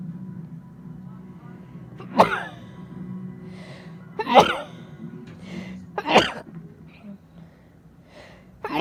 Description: 30 fucking sneezes took me by surprise, I guess it is allergy season!🤧